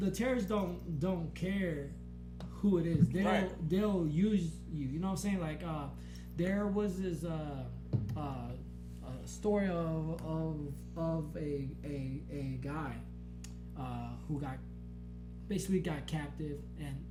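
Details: Man with a stutter since growing up, much worsened after a blast-wave brain injury during military deployment; he stutters in conversation but not when rapping; finding: stuttering.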